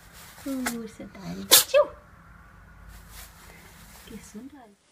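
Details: Pet cat, with Benadryl mentioned afterwards: two quick, sharp sneezes with people talking in the background; cat sneezing.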